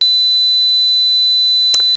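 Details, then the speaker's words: Simulated tinnitus, played to demonstrate the speaker's own constant high-pitched ringing: a steady, thin, high-pitched tone heard with no outside sound, which the brain makes up when damaged ear hair cells stop sending input. "yeah you hear that that's me all day every day living the dream anyhow because of the lack of information the brain figures that there must be some noise there you just can't hear it so it makes it up"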